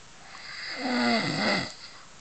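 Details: A single rough, fluttering snore on an in-breath, rising and falling over about a second.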